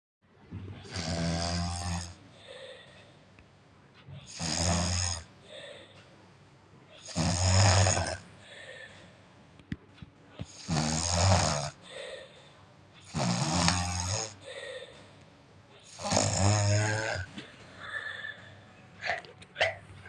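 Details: Child asleep at night, loud rasping snores on each breath, about 20 a minute, with quieter out-breaths between; snoring.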